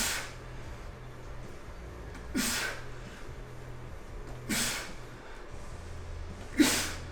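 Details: Heavy breathing by a lifter after a hard deadlift training session; heavy breathing after exertion.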